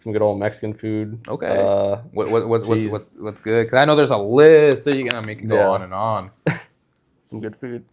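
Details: Adult male who says of himself that listeners will hear him stutter; repetitions such as repeated "I"; stuttering.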